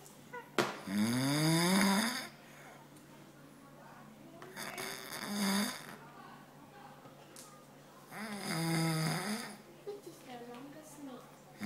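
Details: An adult man (a father) snoring during sleep: loud snores on each breath about four seconds apart, roughly 16 a minute, with rising, whistling, voice-like tones.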